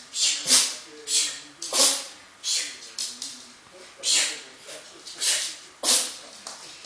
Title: Funny sneezing dog